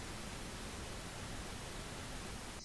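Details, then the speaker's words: Simulated tinnitus played by an audiology professor: a steady, even white-noise hiss representing one common kind of tinnitus. "Donc ça, c'est un acouphène fréquent, là. Ça aussi, ça c'est un bruit blanc."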